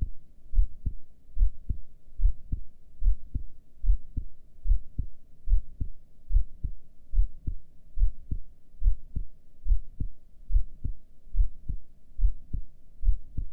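Regular low thudding heartbeats at about 71 a minute, with no breathing noise during a breath hold; normal heart sounds.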